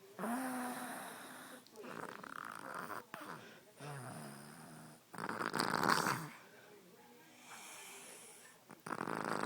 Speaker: She snores too loud.